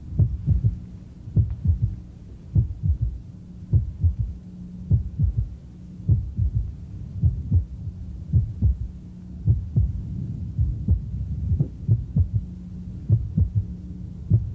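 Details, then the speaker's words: Third heart sound (S3), suggesting left ventricular failure with a dilated hypocontractile heart; soft low-pitched S3 fades almost away, then returns loudly after a premature ventricular contraction (PVC). "is it almost gone away was getting hard to hear and then you hear the PVC and bang it's coming back with a vengeance"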